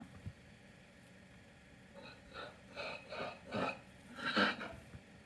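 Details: Animal coughing fit recorded December 2023: a run of about six short, harsh, rising bursts, loudest at the end, over quiet room noise; cough.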